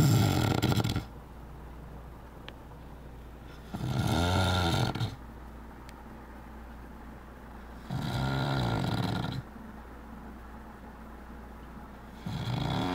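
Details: Sleeping man snoring: loud, deep rattling snores on each breath in, about every four seconds, with quiet pauses between them; ordinary heavy snoring.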